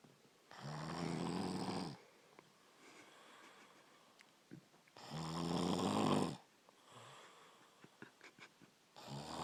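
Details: Brother snoring: loud, rattling snores on the in-breath, about one every four seconds, with quiet breathing between; ordinary snoring.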